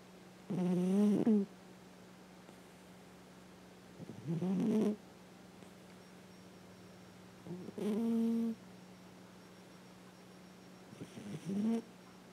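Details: Almost 10-year-old female cat snoring in sleep, possibly dreaming: four squeaky, whistling snores, roughly one every three and a half seconds, with a faint steady hum in the room.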